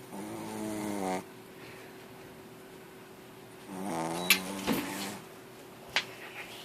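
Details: Snoring: two drawn-out, buzzing, humming nasal breaths separated by a quiet pause, with a couple of brief clicks.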